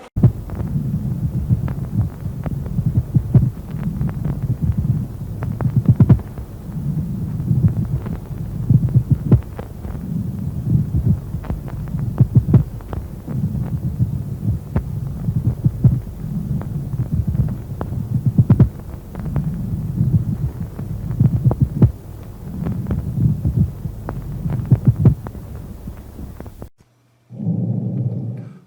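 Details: Lung auscultation teaching recording, front and back of the chest: soft, low rustling breath sounds in steady cycles, normal vesicular breathing heard in inspiration and expiration.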